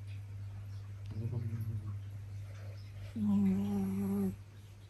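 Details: Two drawn-out, droning snores from sleeping dogs on the second floor, the second louder, one dog farther away and quieter, over a steady low room hum.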